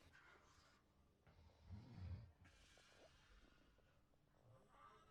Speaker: This is the sound of someone with sleep apnea trying to sleep.